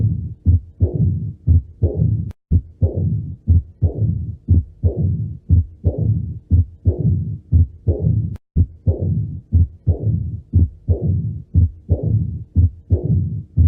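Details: Heart auscultation demonstrating mitral stenosis: regular low-pitched heart sounds at about 60 per minute, with a low rumbling murmur between beats typical of a mitral stenosis murmur.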